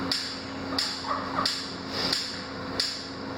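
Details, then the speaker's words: Sharp, regular cracking clicks about 90 a minute: ESWL lithotripter shock waves, shock wave mode enabled, urologist initiating shots to break up a kidney stone. "the tech make sure that shock wave mode is enabled and now the urologists will come in and they'll initiate the shot so you just lift the trigger turn it around pull it down"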